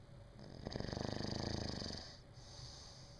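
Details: Snoring: a single long, low, fluttering snore lasting more than a second, then quieter breathing.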